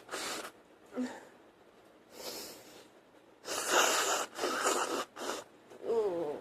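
Several harsh bursts of coughing and sneezing with noisy nasal blowing between them, quiet room.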